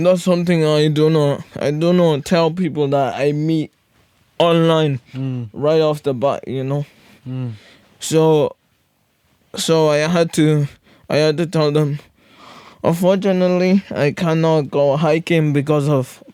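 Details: Podcast host with cerebral palsy; severe stuttering in childhood treated with speech therapy, still stutters a lot; stuttering with phrase and word repetitions.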